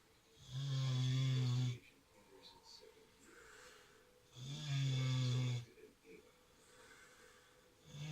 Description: Our mini pig "Kinkku" snores when she sleeps.